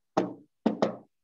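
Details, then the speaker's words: Vocal imitation of a fourth heart sound (atrial gallop, 'Kentucky' cadence) in a medicine lecture: three knock-like beats, an extra sound just before the first and second heart sounds, from forceful atrial contraction. "once you hear they see the patient has a what a for heart sound okay so don't don't confuse it"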